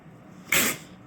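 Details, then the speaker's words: A single sharp, hissing nasal burst from a dog, part of about five minutes of repeated sneezing, six or seven in a row; a wood splinter bitten into went up through the roof of the mouth into the nasal cavity. "Junior's having a Snee he's been sneezing L for five minutes straight some 6 seven in a row"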